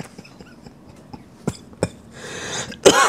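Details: Adult with a cold and a lost, hoarse voice: short clicks and a breathy rush lead into one harsh cough.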